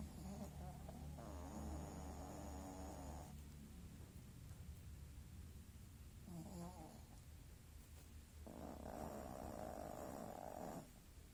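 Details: Sleeping dog snoring, owner wonders why: rumbling snores with long drawn breaths about every four seconds; ordinary sleep snoring.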